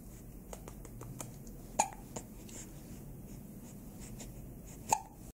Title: Dressed for Hiccups